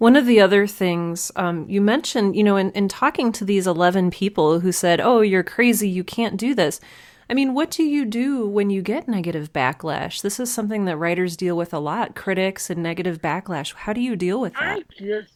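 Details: Adult woman speaking; Normal speech.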